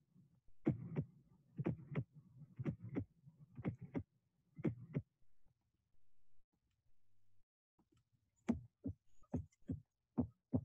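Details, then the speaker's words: Regular heartbeat near 60 a minute with a soft low extra sound just before each first heart sound, attributed to atrial contribution; S4 gallop. "in the following two slides we'll be able to appreciate the sound of the fourth of s4 in hong kong and in aortic stenosis definitely since we are uh attributing it to the atrial contribution"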